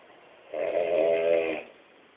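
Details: Man sleeping deeply, snoring: a single rough, vibrating intake noise lasting about a second.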